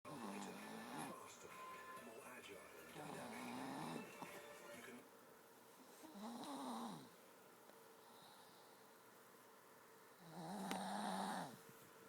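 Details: Casper, a 7-year-old pet, snoring while asleep with tongue sticking out; three tonal snores on breaths with music or TV playing in the background.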